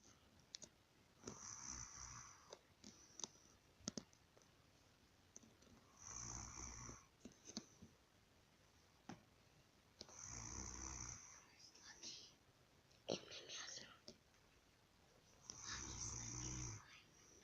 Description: Lol my cousin snores so funny 😄